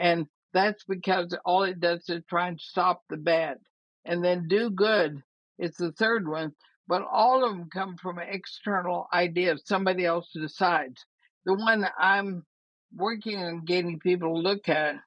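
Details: Woman, about 80, with ALS (Lou Gehrig's disease), already having quite a bit of trouble speaking though she thinks she is still intelligible; dysarthria (ALS).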